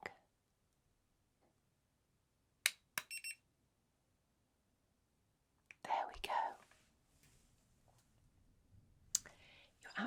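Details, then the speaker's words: Ear thermometer beeps held beside the ear in a simulated ASMR cranial nerve exam, with soft clicks and quiet whispered speech; reading 37 degrees, normal. "so I'm just going to pop this by your ear and it won't go into your ear but it will just take your temperature you'll hear some beeping okay just keep yourself it doesn't take long"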